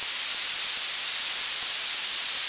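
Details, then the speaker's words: Simulated tinnitus, violet-noise type: one of ten tones emulating common tinnitus sounds, heard as a steady, very high-pitched hiss with no low sounds. "there are ten tones which make up the most common tinnitus sounds each is a different waveform and frequency the idea is that your tinnitus should sound similar to one of the following tones"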